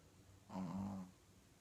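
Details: A single short, soft, buzzing snore on one breath in a quiet room; snoring.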